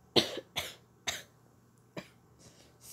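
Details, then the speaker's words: Child with a common cold, caught after being rained on at outdoor school, gives four short, harsh coughs, then a faint fifth: cough with a common cold. "it was so cold because i wasn't prepared for it and i kind of got rained on a lot a lot so i kind of got sick off of it sorry"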